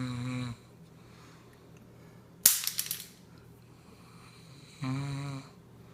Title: Cigarett snore